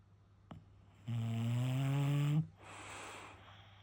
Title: Bulldog Snores 😍